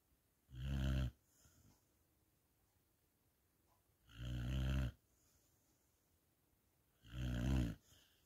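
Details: Three deep, rumbling snores evenly spaced about three seconds apart with quiet breathing between, sleeping after a long stroll: snoring.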